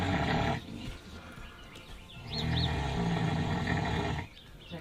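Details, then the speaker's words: Older sow snoring while asleep: deep, rumbling, rattling low noises in two long bursts with a quieter pause between, faint bird chirps outside. "Is she like purring? She's snoring."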